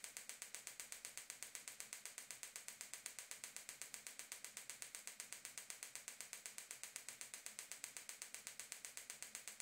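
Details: Gymna Shockmaster 300 extracorporeal shockwave therapy at 3 bar, 8 Hz, 2000 shocks, 15 mm focused head with ultrasound gel, on the heel for proximal plantar fasciitis: rapid, very regular sharp clicking pulses.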